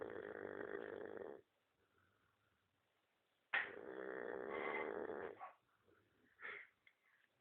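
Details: Dog named Jake snoring while asleep: two drawn-out, rumbling, growl-like snores with quiet breathing between them.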